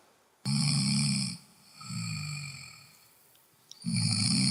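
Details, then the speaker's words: Regular snoring: two loud, low rattling snores of about a second each, a quieter breath between, and a third starting at the end. "храп регулярный и вот еще один есть более выраженный храп вот этот говорит о том что человек а скорее всего присутствует нож и не дыхание во время сна"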